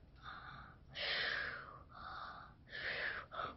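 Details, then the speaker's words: A 7-year-old girl imitating how her grandpa snores: breathy, snorting in-and-out breaths, acted rather than real sleep sounds; imitated snoring. "She tries to blame it on my grandpa, but I know it's her. My grandpa snores like this."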